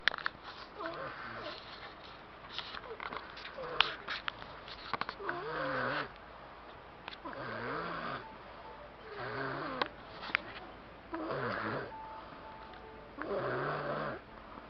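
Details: Rhythmic rasping snores with wavering pitch on each breath, about five cycles, over faint room noise: snoring.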